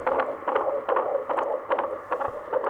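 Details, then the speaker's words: Fetal heartbeat, mother over 40, baby girl, played back from a recording inside a heartbeat bear: rapid, regular whooshing beats about 140 a minute, a normal fetal heartbeat. "that's you, baby girl. The baby's heartbeat's in the bear."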